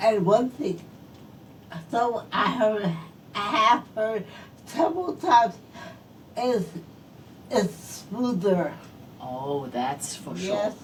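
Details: Adult woman stroke survivor whose speech is affected by her stroke; post-stroke speech impairment.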